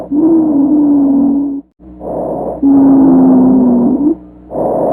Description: Wheeze on chest auscultation can be polyphonic or monophonic.